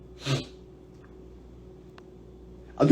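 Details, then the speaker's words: A young man tries repeatedly to hold in a sneeze, then gives a single brief, sharp sneeze in a quiet room; another sound begins at the very end. "just beaumont struggling with sneezing yes it's very cold"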